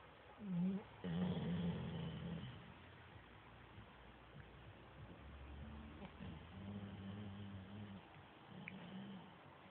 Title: Bracken the Chocolate Lab snoring